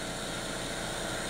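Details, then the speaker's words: Suction abortion machine demonstrated on a steel paint thinner can, with the valve open and not yet at full suction: a steady motor hum and hiss, with the can starting to change but no distinct crinkling audible; suction machine running. "you can hear the can was already starting to make a little bit of a change now I'm going to close the valve on the suction machine and I want you to watch the power of the suction machine on this can"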